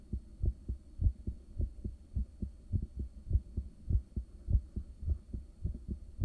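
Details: Resting heartbeat recorded with a home ultrasound device in the early morning, shortly after waking, caffeine and morning meds. Steady, strong, low thumping at about 100 beats a minute with a faint hum; normal resting heartbeat.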